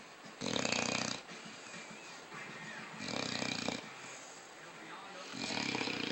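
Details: Snoring: three rough, raspy snores on breathing in, about one every two and a half seconds, with quieter exhalations between.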